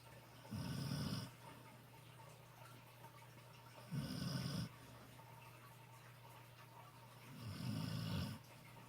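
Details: Sparky snoring during a sunny-face nap: three low rattling snores on the in-breath, about 3.5 seconds apart, roughly 17 breaths a minute; ordinary sleep snoring.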